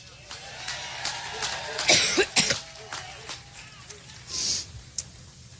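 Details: A woman during a campaign speech in Cleveland: several harsh coughs and throat clearing interrupting speech over crowd noise; she attributes it to an allergic reaction, uploader claims it lasted four minutes and suggests illness.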